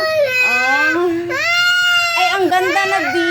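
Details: A young girl (niece) cries and whimpers in long, wavering wails with short catches of breath while being coaxed to have her hair combed and to put on clothes; crying.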